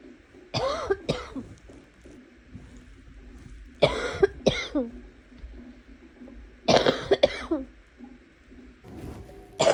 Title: Some coughing